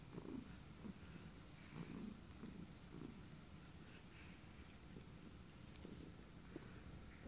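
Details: Steady low purring from a cat broken by short, sudden catches at irregular intervals; hiccups during purring.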